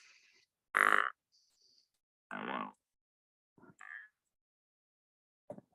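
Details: Electrolarynx buzz: short bursts of steady mechanical buzzing, switched on and off during a demonstration while tone and volume are adjusted.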